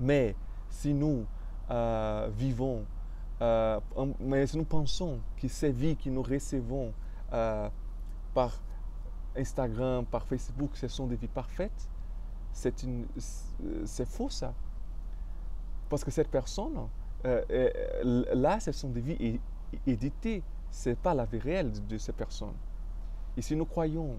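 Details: Adult male French speaker with stuttering, which he describes as having blocked him.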